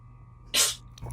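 A single sharp, hissy burst of breath out, typical of one sneeze, acted for comedy, with faint room noise around it.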